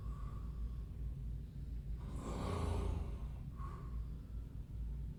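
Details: Hospital ward at night, a patient's accompanying relative in the next bed: one long, loud, rumbling breath against a steady low room hum, heavy snoring.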